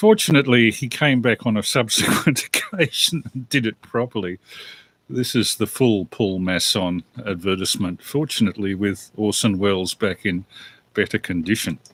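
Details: Adult male speaker; normal speech.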